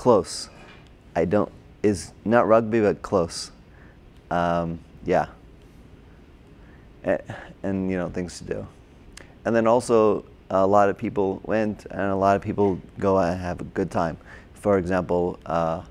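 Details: Adult man with Broca's (expressive) aphasia from a stroke during heart surgery in 2007, about 10 years earlier; hospitalized two months, then OT, PT and speech therapy; difficulty with names, numbers, reading and writing; agrammatic speech with word-finding errors.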